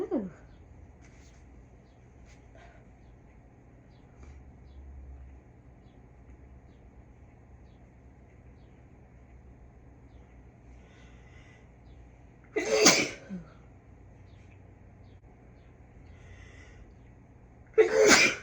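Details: Deliberately induced sneezes in a person who rarely sneezes naturally and reports no current illness or allergies: two sharp sneeze bursts about five seconds apart in a quiet room, then a relieved exhale.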